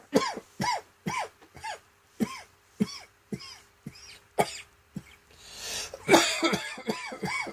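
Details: Rapid run of about a dozen short, dry, hacking coughs from a seasonal throat tickle that returns with cold, damp autumn mornings, which the person expects will develop into a cold, throat infection and bronchitis; cough from throat irritation.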